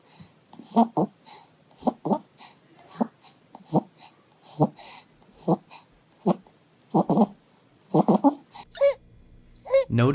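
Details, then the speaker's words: Rapid, harsh, noisy breaths about once a second ending in brief crying from a child with stridor and subcostal retractions due to upper airway obstruction. "Now, let's listen to what Strider sounds like. Notice here that the patient is experiencing strider with subcostal retractions."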